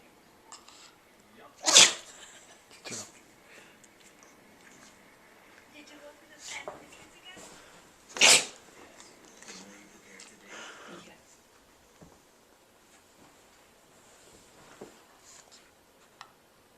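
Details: Sophia, a pug, having a sneezing attack: two sharp, explosive sneezes about six seconds apart, with smaller snorts and sniffs between them in a quiet room.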